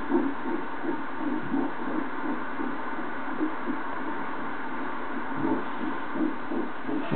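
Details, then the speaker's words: Fetal heartbeat at 11 and a half weeks, played loud: rapid, regular whooshing pulses of roughly 160 beats a minute over steady hiss. "she's just showing us the heartbeat now you are going to be hear it for sure cuz I'm going to turn it right up"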